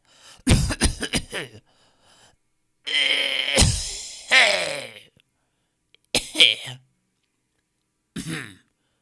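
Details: Stock audio of people coughing in different styles: several separate adult cough and throat-clearing bursts, some harsh and some short, with pauses between.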